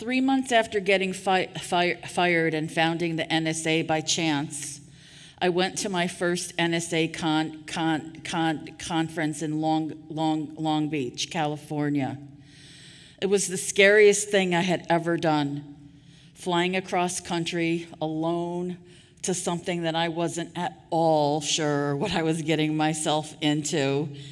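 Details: Adult woman who stutters, giving a conference keynote, with audible part-word and word repetitions; finding: stuttering.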